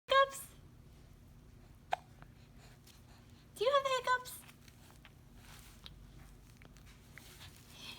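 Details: Hiccups: a few short, abrupt voiced catches with quiet room noise between them.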